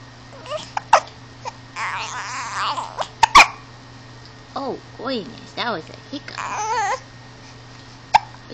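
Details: Infant babbling and cooing, interrupted by three abrupt, sharp clicking catches of breath: hiccups.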